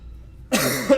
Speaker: i'm recovering from the covets so you will hear me cough throughout the night in jeremy's face